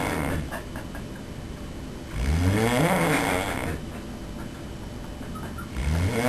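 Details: Person asleep, recorded by a roommate: a loud, rough, rattling snore on a breath in, with another beginning a few seconds later; snoring.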